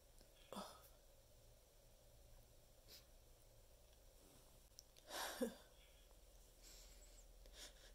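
Quiet room with a few soft catches of breath, then a single louder sneeze in the middle of the clip.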